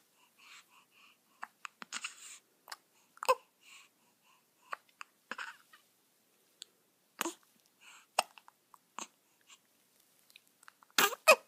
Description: What's more cuter then a new born baby with the hiccups